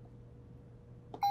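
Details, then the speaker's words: Puritan Bennett 560 ventilator keypad beeps as the operator arrows down from the tidal volume display to the FiO2 alarm and presses enter to start O2 sensor calibration, after completing exhalation flow sensor calibration. "i'm going to go ahead and navigate down from the title volume with the arrow keys down to the fio2 press the enter key"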